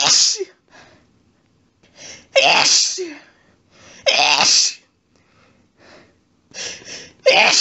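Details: Adult female sneezing fit in bed, triggered by a friend's cat lying under her chin after a sneezy day: about four rapid, loud wet sneezes with short catching breaths between, under eight seconds.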